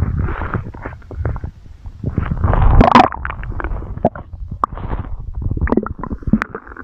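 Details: Stomach growling (borborygmi) recorded for ASMR: low, irregular, continuous rumbling and gurgling bursts from the belly.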